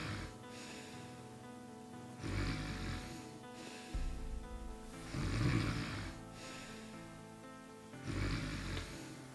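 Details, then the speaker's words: Loud snoring from a middle-aged father who has snored since his 30s and can be heard through two doors. "The husband wake up ah He's snoring again"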